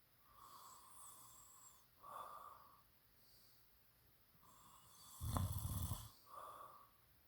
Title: low key snoring